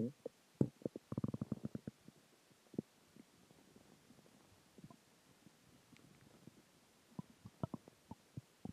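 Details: Stomach growling (borborygmi) after dinner, water and gas: quiet gurgling and bubbling clusters of rapid pops from the belly, fading then returning.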